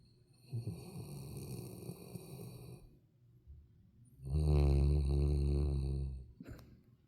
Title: When you're scared of the wind, but when you finally manage to sleep.. #labrador #scaredycat #snore